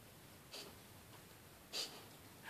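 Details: Whippet bitch reverse sneezing: two sharp, hissing nasal snorts as she gasps for air for a few seconds; thought to be common in whippets and greyhounds because of their slender necks and narrowing trachea.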